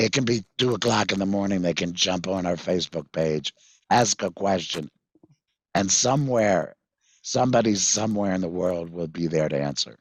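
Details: Tracheoesophageal speech with a voice prosthesis from a 66-year-old man after total laryngectomy in February 2019 for vocal cord cancer, which followed months of hoarseness; prosthesis placed September 2019; he previously used a whiteboard and an electrolarynx.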